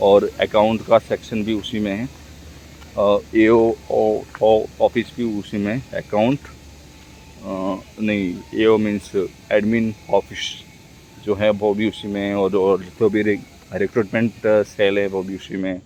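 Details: Adult man speaking Hindi who stammers, speaking for his own practice; word repetitions heard; stuttering.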